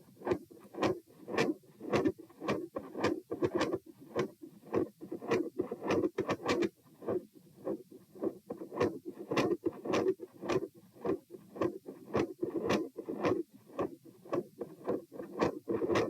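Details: Heart sounds recorded at position p while standing: rapid beats with a continuous rumbling waxing-waning machinery-like PDA-like murmur, phasic S2; ASD/PFO pattern not apparent, possibly L-R pressure.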